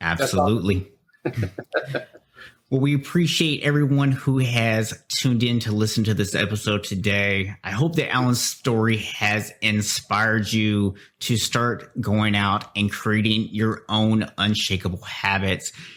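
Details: Adult male speaker; normal speech.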